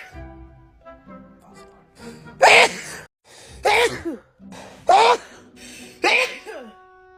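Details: A Black woman, possibly sick with a cold or flu, gives four forceful sneezes in quick succession, each preceded by a catching inhale, over background music; a sneezing fit.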